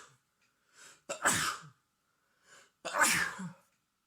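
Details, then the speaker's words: Two forceful sneezes, each preceded by a short in-breath, acted in a storytelling recording about a boyfriend with a cold; story describes three strong sneezes while serving a garlic-and-chili meal. "he quickly handed me a plate to free his hands and he turned around and released three strong sneezes"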